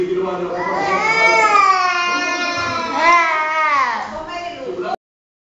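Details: Young child named in caption wailing in two long drawn-out cries indoors during a tantrum; ordinary child crying.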